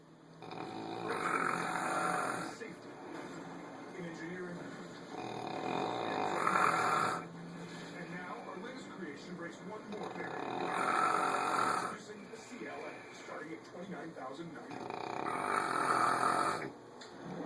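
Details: Two sleepers snoring together: steady rhythmic snoring, about four breaths in the clip, with television or talk in the background.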